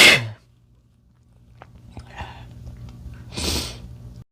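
Two sharp, hissing sneeze bursts separated by a few seconds of quiet breathing; ordinary sneezing.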